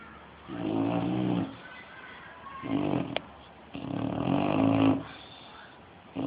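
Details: Loud snoring from a bulldog: deep, rumbling snores, about three in six seconds, with quieter breathing between them.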